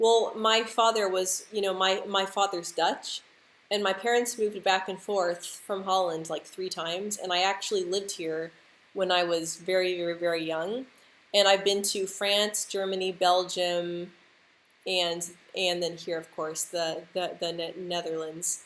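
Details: Adult woman who stutters, speaking live; she reports stuttering more when nervous or stressed, such as when applying for jobs; stuttering.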